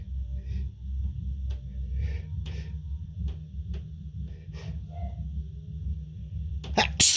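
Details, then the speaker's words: Build-up sneeze after the person reports a tickle: brief breathy catches in a quiet room with low hum, ending in a sharp, explosive sneeze burst. "Hey. I feel a tickle. I think of a sneeze."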